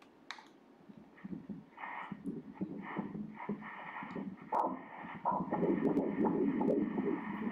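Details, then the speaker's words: Fetal heartbeat on ultrasound at 13 weeks 4 days of a second pregnancy: rapid, whooshing rhythmic pulsing at about 160–168 beats per minute. "a frequência do coração está em 168 assim 160"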